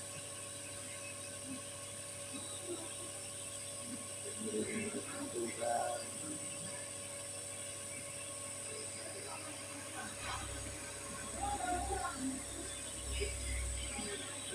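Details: Nebulizer treatment for a young child's phlegmy cough: steady mechanical hum and buzz of the running nebulizer, with soft music and faint voices in the background.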